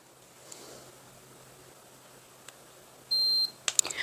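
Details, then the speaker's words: Home forehead thermometer reading, demonstrated by a nurse: a faint click, then a short high electronic beep followed by a few button clicks as a repeat reading is taken. "Okay so we're going to go ahead and put this on our forehead here's our button right in this Center like it shows that was super fast 969"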